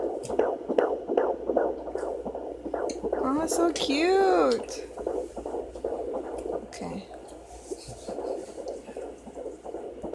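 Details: Fetal heartbeat on Doppler at 15 weeks 4 days of pregnancy: rapid, regular whooshing pulses around 150 beats a minute.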